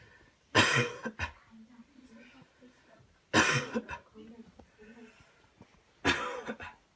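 Three forceful, deliberate coughs at a steady pace with quiet breaths between; a voluntary, acted coughing technique.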